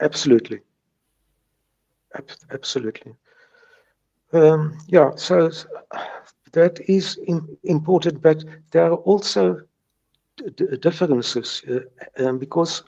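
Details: Stuttering in a South African retired man in his 70s, present since age three, now with mild residual blocks.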